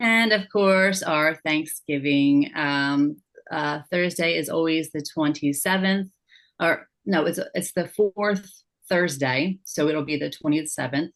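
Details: Aphasia in an adult woman, after a stroke or injury, with word-finding difficulty and paraphasias.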